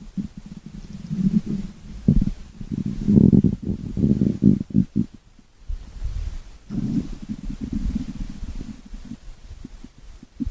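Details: Stomach growling: low gurgling rumbles that swell and fade over several seconds, from gas and fluid moving through the gut.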